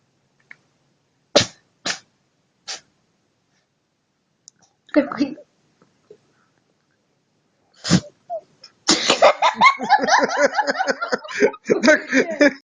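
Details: Cat sneezing: a run of about five short, sharp sneezes, followed by a person talking; sneezing.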